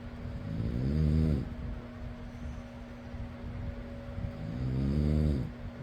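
Two long, rattling snores on breathing in, with a steady fan hum throughout; ordinary snoring.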